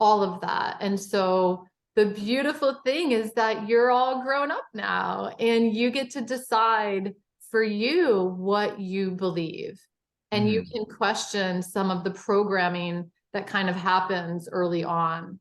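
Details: Adult woman speaking; Normal fluent speech.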